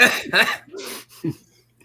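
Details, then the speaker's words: Adult's cough during a lingering illness, described as a recurring seasonal cough; speaker says still not a hundred percent. "remember that always during season i get a cough like that and you'll go out for a hunt and the whole woods knows where you're at what's from that cough"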